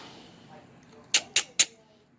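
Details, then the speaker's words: Adult with Tourette syndrome, tics occurring while crafting polymer clay: three quick, sharp clicking or hissing noises in rapid succession, a simple vocal tic. "That noise that you hear every once in a while is like one of my tics. I do have Tourette's, and it can be kind of annoying, but I just have to like really focus."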